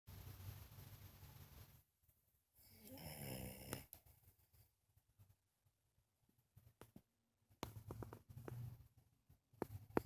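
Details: Sleeping French bulldog snoring, also farting during the recording: one loud, rasping snore, then quieter snorting and clicking breath noises in a quiet room.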